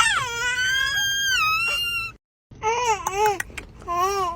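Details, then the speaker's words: Infant crying and whimpering in two high-pitched, wavering bursts with a short pause while being taken for a walk and soothed; ordinary fussing cry. "oh non faut pas pleurer pas pleurer on balade on promène"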